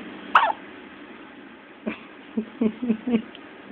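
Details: One-day-old newborn girl with hiccups: a series of short, soft, abrupt hiccup sounds over steady room hiss.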